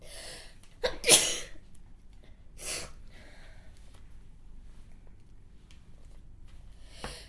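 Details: A sharp inhaled catch, one forceful sneeze, then a smaller sneeze-like burst and quiet breathing in a small room: sneezing from a woman model while she reads aloud in Japanese.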